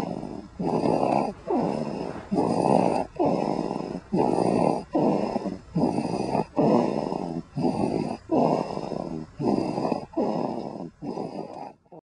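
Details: Loud, rhythmic, rasping snores, about 13 in 12 seconds, each long and noisy with short gaps between; heavy snoring.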